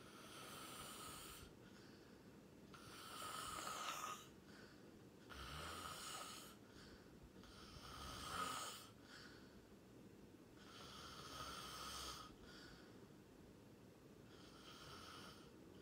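Loud, rattling snores with each breath, about five snoring cycles, roughly 19 breaths a minute, during sleep.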